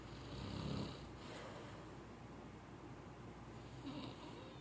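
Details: Snoring.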